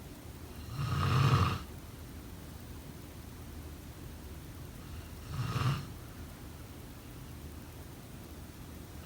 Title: Snoring sound …